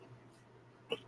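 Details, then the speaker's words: A single sharp, hiccup-like vocal burst after near silence from a person with Tourette syndrome, who says the tics worsen when nervous; a simple vocal tic. "do have some other issues um i don't know if any of y'all picked up on it or not but i do have tourette's syndrome and that's usually where it sounds like i'm hiccuping and what have you"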